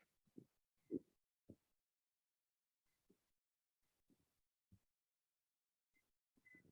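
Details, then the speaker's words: Crackles in bronchiectasis: brief, quiet popping and crackling bursts scattered over the breaths. "Coba kita dengarkan jadi ini contoh suara kak reckless ya pada kondisi bronkiektasis sih meregistrasi saya atau aksara krekes ya pada edema pulmonal ya"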